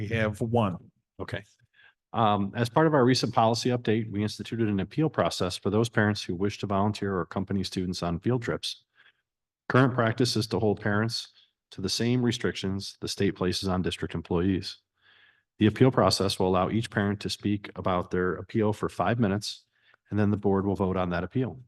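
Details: Adult male speaker; Normal speech.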